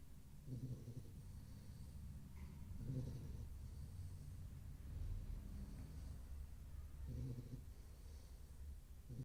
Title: bullmasiff snoring 😴😴#bullmastiff #bullmastiffpuppy #doglovers